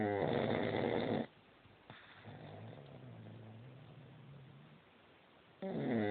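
Loud harsh snores with a quieter breath out between them; loud snoring.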